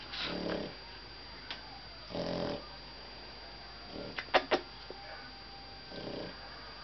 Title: Pug Snoring